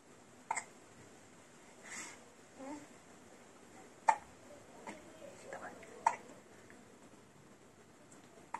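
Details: Baby's hiccups, stopped with a drop of lemon juice (later learned not recommended): soft, abrupt catches at irregular intervals, about three in eight seconds, over quiet room noise; infant hiccups.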